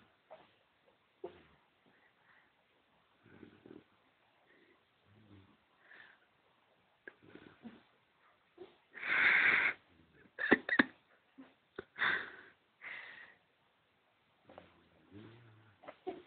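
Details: Loud snoring in a small sleeping child: irregular snorts and harsh, rattling snores of varying loudness, with quiet gaps between them.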